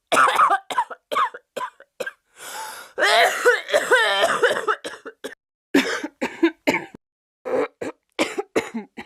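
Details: Simulated, exaggerated coughing in a comedy sketch: rapid repeated harsh coughing fits with throat clearing and strained gasping between bursts.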